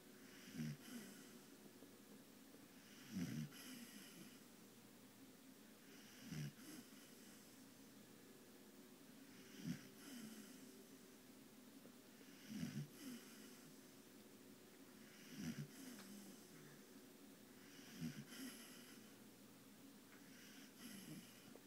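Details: Sleeping Bull Terrier resting after a long day snores in steady rhythmic bursts, about 20 breaths a minute, in a quiet room; snoring.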